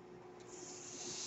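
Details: Mechanical ventilator airflow heard behind a podcaster who notes the noise is his own ventilator: a steady airy hiss slowly swelling over about a second as the ventilator delivers a breath.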